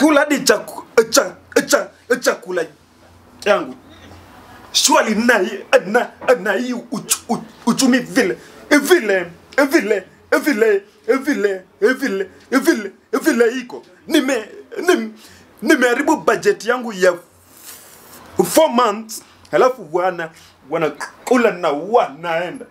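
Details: Man who stammers leading a prayer before a meal in a comedy skit, possibly acted; stuttering.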